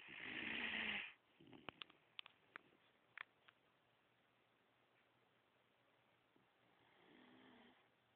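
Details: Mini schnauzer dog snoring in the morning while lying on the owner's arm, wearing a neck flotation collar to stop licking; loud raspy breath, faint clicks, then a softer snore about six seconds later.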